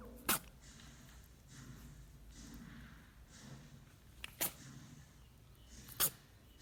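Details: Rabbit sneezing heavily, possibly after water got into its nose: three sharp explosive sneezes over about six seconds with soft snuffling breaths between.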